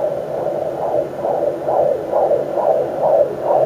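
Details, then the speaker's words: Fetal heartbeat on a Sonoline B pocket fetal Doppler in the mother's second pregnancy, recorded with her standing (louder lying down): fast, regular galloping whoosh at about 130 a minute over a steady hum, with the baby's kicks or elbow bumps audible. "there we go so hopefully you can hear that and you can hear every time the baby either elbows it or kicks it or anything like that"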